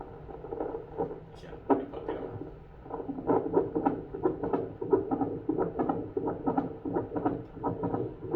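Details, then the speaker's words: Adult's own heartbeat on a larger, louder hospital obstetric fetal Doppler placed on the chest: rhythmic whooshing pulses. Readings rose from 81–82 a minute, slightly faster after movement; normal heartbeat. "现在稍微快一点，等我这个稍微有一点运动。"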